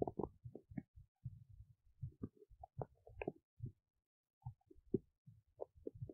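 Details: Belly noises recorded while digesting oats: frequent gurgles, squeaks and rumbles, ordinary active bowel sounds (stomach rumbling).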